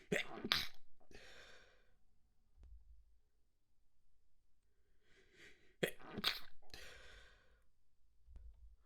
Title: Messy Wet Sneezes, Stifles, Snotty Sounds, Noseblows